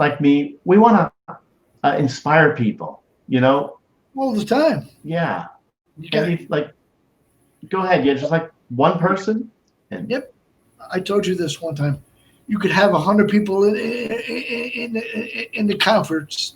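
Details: Adult male stroke survivor and heart transplant recipient with Broca's aphasia for over 8 years after a stroke in March 2011, with short utterances, laborious word-finding and more difficulty with verbs than nouns; Broca's aphasia.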